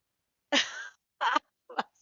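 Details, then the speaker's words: A sleeping female pet dog snoring: three short, noisy, snorting breaths within two seconds. "my dog's snoring. I don't know if you could hear that on sound, but she's snoring away, bless her."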